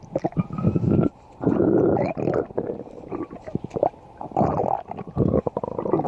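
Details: Low gurgling rumbles in long bursts with brief pauses: stomach growling (borborygmi), the ordinary movement of gas and fluid through the gut.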